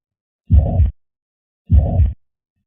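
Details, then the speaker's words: Holosystolic murmur of mitral regurgitation, best heard at the apex radiating to the left axilla: two beats, each with a steady, even murmur starting at S1 and keeping the same intensity through all of systole. "the murmur starts at s1 when the av valves close and maintains the same intensity for the entire duration of systole"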